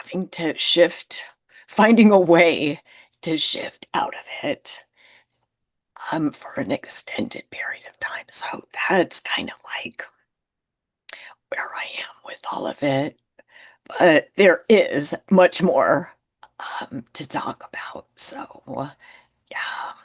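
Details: Woman who identifies with the spasmodic dysphonia community and reports difficulty being understood on phone calls; spasmodic dysphonia.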